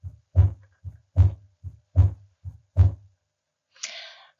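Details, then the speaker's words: Fixed split S2 heard at the pulmonic area, patient supine, stethoscope diaphragm; regular heart sounds about 75 a minute, split persists through inspiration and expiration; seen with ASD, pulmonary stenosis, bundle branch block, right ventricular failure. "again it's a fixed split S2 it will stay throughout inspiration expiration you will hear it in the pulmonic area"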